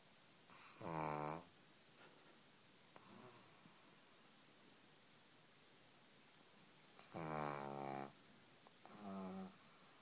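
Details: Pug puppy a few weeks old snoring: soft sleep breathing with a few brief, buzzy, nasal snorts on some breaths in a quiet room.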